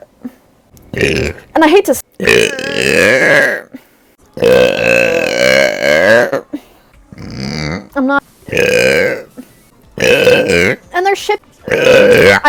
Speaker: I'm just going to burp